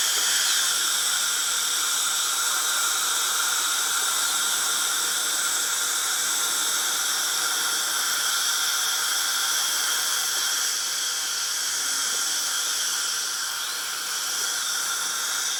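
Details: Dentist's drill running: continuous high-pitched whining whir with hiss, steady throughout.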